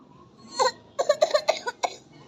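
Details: Toddler with a cold gives one cough, then a quick run of about six short, high-pitched voiced coughs, possibly put on (acting); cough.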